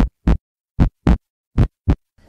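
Two clean lub-dub pairs of low thumps at roughly 80 beats a minute, then music begins; normal first and second heart sounds.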